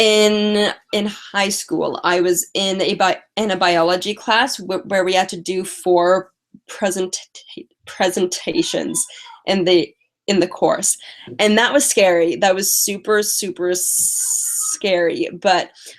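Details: Stuttering in a female speaker who uses strategies such as prolonging words and talking slowly.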